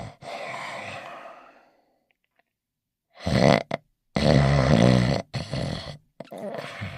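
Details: Cartoon dog sleeping and snoring, a sound effect, not a real sleeper: low rumbling, grunting breaths with pauses between them.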